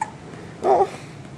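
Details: Baby hiccuping after nursing about 25 minutes plus a supplemental bottle: a single brief, loud, voiced catch in a quiet room; infant hiccup.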